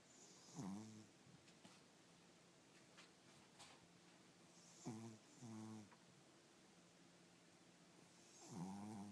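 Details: Kyo, a large male Chihuahua, snoring in deep sleep: faint, short, whistling snores every few seconds against quiet room noise.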